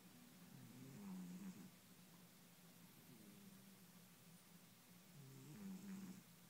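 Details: Loud snoring from a sleeping cat, recorded on an iPhone; the owner says the recording understates how loud it was.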